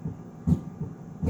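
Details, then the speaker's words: Stethoscope on a teaching torso simulator at the aortic area, second intercostal space; normal heart sounds. "okay so that's your aortic at the second intercostal space"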